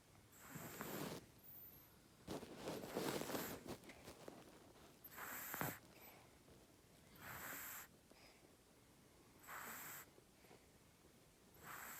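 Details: A cat snoring in sleep: soft, rough breathing noises recurring every two to three seconds, with faint outdoor background.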